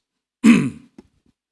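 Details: An adult male preacher, who says he has a cold and cough, gives a single harsh throat clear during a sermon, one guttural burst fading over about half a second; throat clearing.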